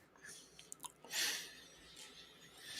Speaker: Pardon me. Man, I had to sneeze.